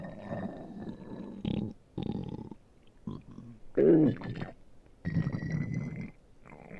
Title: my stomach growling